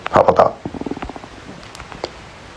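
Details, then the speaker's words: Stomach growling (borborygmi) heard during a talk as the person asks whether his stomach keeps rumbling: a short burst of gurgling, then a quick run of soft bubbling pops fading away. "I hear your stomach. Does my stomach keep rumbling?"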